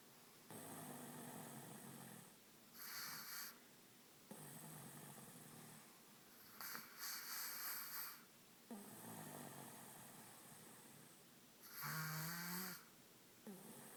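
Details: Repeated rough, fluttering snores on each breath in, with hissing breaths out, in a steady sleeping rhythm of about 13 breaths a minute; snoring.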